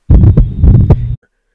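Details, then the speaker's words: Patient with hypertrophic obstructive cardiomyopathy, syncope, LVH on ECG and family history of sudden cardiac death: brief low heart sounds with a harsh crescendo-decrescendo systolic ejection murmur between beats. "ok let's go to the exam and on exam you notice something interesting he has a harsh crescendo decrescendo systolic murmur a systolic ejection murmur"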